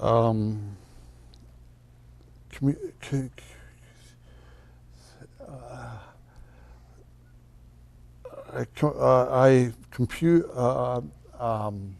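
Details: Adult man speaking; aphasia.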